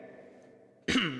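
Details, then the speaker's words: Adult musician with a fairly bad cough while streaming a home gig during COVID-19 lockdown; coughing heard amid music. "got quite a bad cough I've probably got the plague sorry I don't think you can get it through the internet so if I start if I have a coughing foot that's just a special moment"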